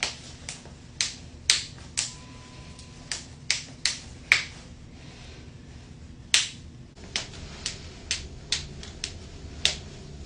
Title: KNUCKLES CRACKING COMPILATION #shorts